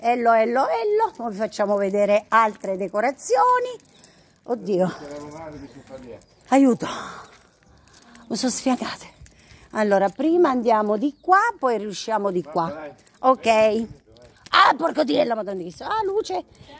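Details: Adult female with Tourette syndrome: vocal tics with coprolalia, sudden involuntary swearing outbursts interrupting her speech.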